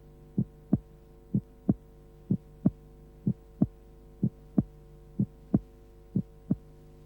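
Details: Heart sounds at normal speed from a 1976 auscultation training film on transposition of the great arteries: regular paired sounds about 62 a minute over a low hum, with a single second sound.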